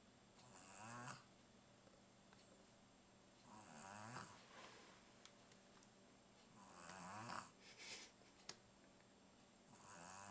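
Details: Sleeping pug: rhythmic, raspy snoring at about 19 breaths a minute, with a rattling, whistling edge on each breath.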